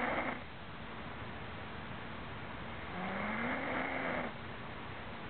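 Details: Snoring from a man (a boyfriend): two drawn-out rasping breaths over a steady background hum.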